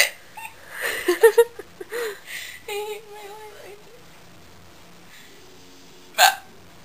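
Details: Short, abrupt voiced hiccup sounds mixed with brief vocal noises, then a final sharp hiccup after a pause; a woman with hiccups that began about a minute before recording.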